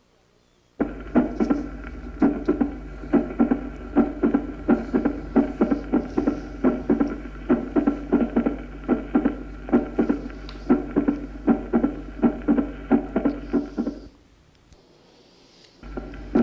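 Sharp heart sounds at a slow, irregular rhythm with a late extra snap after the second sound: mitral opening snap with slow atrial fibrillation.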